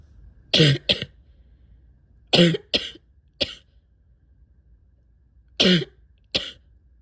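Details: Adult with asthma, spring allergies and chronic bronchitis, likely sick with a respiratory illness: six loud coughs in three bursts, thick, rattly and congested, a wet chesty cough.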